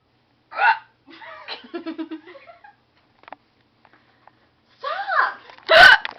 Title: Wanna buy some chocolate? + hiccups !